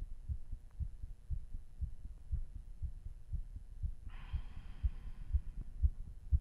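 Strong, regular, deep heartbeats at about 120 a minute, with a faint breathy sound partway through: a fast heartbeat right after exercise.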